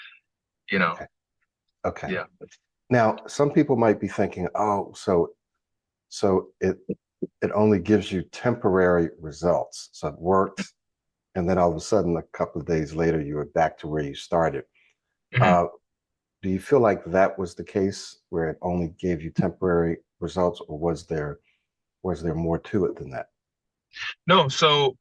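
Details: Adult man speaking; normal speech.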